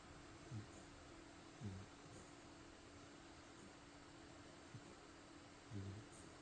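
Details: A dog snoring: faint, low, rumbling snores in short bursts at irregular intervals over a steady fan-like hum in a quiet room.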